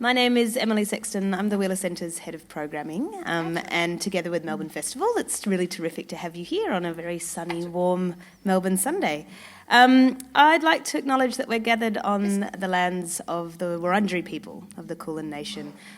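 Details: Adult woman; normal speech.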